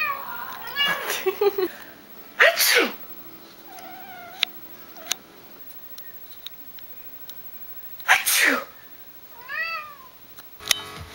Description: So after I realized my buddy Chevron likes to meow.. aka say "bless you" after people sneezed... I thought I'd film some random clips.